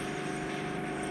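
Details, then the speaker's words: Ear microsuction during an endoscopic procedure after switching from a partly blocked tube to the full-size tube: steady rushing, whistling airflow as air passes freely, before the wax plug seals the tube and the noise stops. "So what I've done, I've gone to the full-size tube, as you can hear. And that one's going to get a much better grip of it. Listen out for the noise. You can hear all the air passing now, can't you?"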